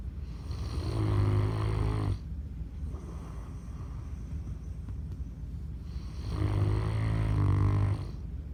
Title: Zeus snoring